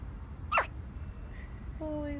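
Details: 2-day-old newborn girl hiccupping: a single short, sharp hiccup against quiet room noise, followed by a faint tonal sound.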